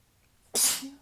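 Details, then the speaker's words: Single sudden, hissing sneeze with a brief voiced tail after a quiet lead-in, from someone just waking up the morning after a sizable allergy attack to dust. "I am just waking up. And had a fairly sizable allergy attack last night. So it makes sense that I'm more like this than usual."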